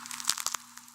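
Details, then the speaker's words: Knee crepitus in a 60-year-old man, a lift technician, heard as his knee moves: three quick crackly clicks, a clicking or grinding noisy-knee sound. "Technically known as crepitus, it sounds like clicking or grinding."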